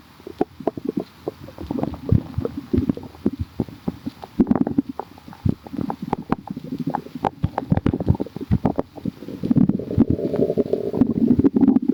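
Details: Bubbly, gurgling abdominal rumbles with frequent sharp pops and low churning, building toward the end; ordinary stomach growling (borborygmi).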